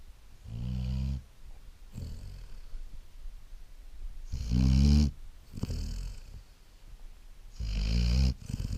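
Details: Great Dane pup snoring: loud, deep rattling snores, about one breath every three seconds, with softer breathing sounds between.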